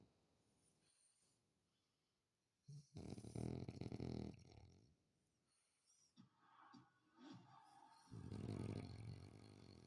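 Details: Loud, rough, low snoring bursts on breathing in, with quieter stretches between, in a small room; snoring.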